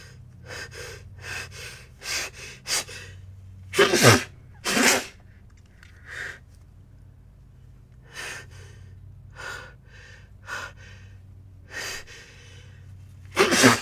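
Repeated quick breath catches building up, two loud wet sneezes midway and another at the end; ordinary sneezing bouts.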